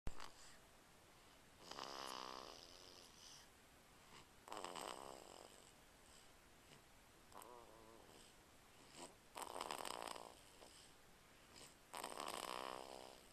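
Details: Snoring: repeated rattling, buzzy snores at about five per minute, each lasting a second or two, with quiet pauses between.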